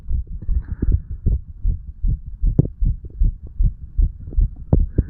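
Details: Heartbeat of a 35-year-old under the influence of medical marijuana and tobacco: low, regular thumping over steady low hum, rate hard to count but sounding fast.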